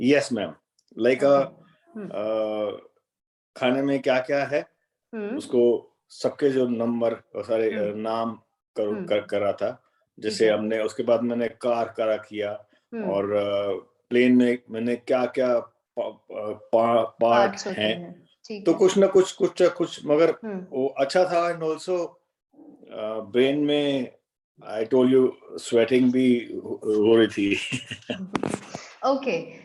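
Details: Stroke survivor with aphasia, Hindi speaker, naming a row of pictured objects in an online conversation-practice therapy class with a speech-language pathologist: aphasia after stroke.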